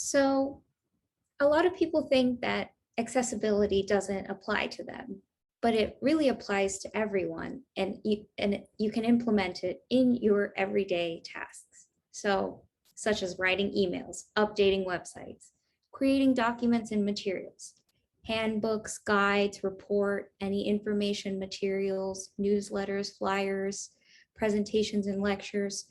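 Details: Adult woman speaking; typical speech.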